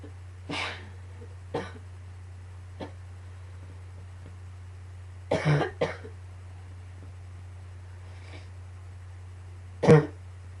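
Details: About six short coughs and throat clears, scattered irregularly over a steady low room hum; a coughing fit combined with allergies; coughing fit.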